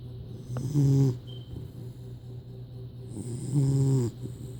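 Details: Puppy snoring like a grown man: two deep, rumbling, low-pitched snores about three seconds apart, surprisingly loud for a small dog.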